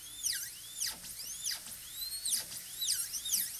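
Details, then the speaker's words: High-speed dental drill cutting the shoulder at gingival level on a maxillary canine for a PFM crown preparation on a typodont model; high whine swooping down and back up as the bur loads and frees. "Okay, so I can make a depth cut, millimeter above the gingiva."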